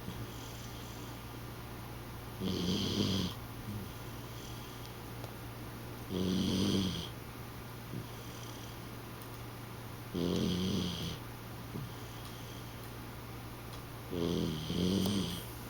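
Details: Sleeper snoring: regular low, buzzing snores about every four seconds, roughly 15 breaths a minute, over a steady room hum; ordinary snoring.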